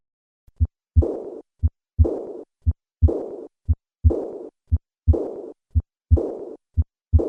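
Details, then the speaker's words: Severe aortic regurgitation: high-pitched, blowing, decrescendo diastolic murmur along the left sternal border after each second sound, with regular heart sounds near 58 a minute; the murmur grows louder with increased afterload, such as a handgrip. "in summary aortic regurgitation typically presents with a diastolic de Crescendo murmur which is heard along the left sternal border"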